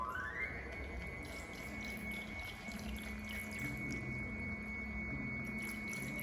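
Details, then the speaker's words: A rising motor whine settles into a steady high tone over running-water noise as an MM iVP infusion pump, set for B. Braun tubing, purges air bubbles from the IV line. "Well, the third steps we need to do is purge to make sure there is no air bubbles in the tube. Then we should click on here to open the tube, and then we can see that. Let's click purge."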